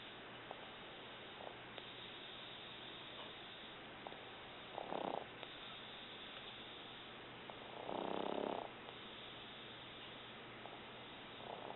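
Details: Adult woman (mother): two rough, noisy breath sounds at intervals over a steady background hum, consistent with snoring.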